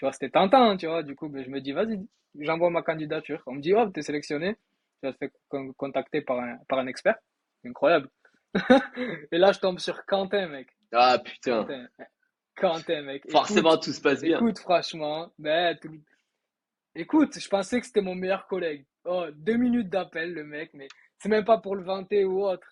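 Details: 23-year-old man who has stuttered since being electrocuted by an electrical panel; he says he still stutters a little, especially when facing difficulties; stuttering.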